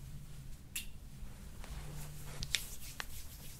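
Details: Joint cavitation (crack) during chiropractic spinal manipulation of a college student with right shoulder and neck pain, attributed to prolonged hunched sitting while studying; patient breathes in deeply as the practitioner rolls down.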